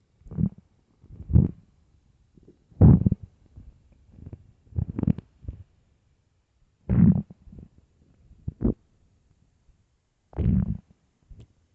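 Repeated low gurgles and rumbles at irregular intervals, typical stomach growling from an empty stomach, a normal bowel sound.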